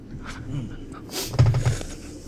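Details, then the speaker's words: Adult gamer recording commentary gives a short sharp hissing sneeze followed by low thumps from a creaking chair as he spins, over faint background sound: sneeze. "Sorry, guys. I'm creaking in my chair as I spin and sneeze."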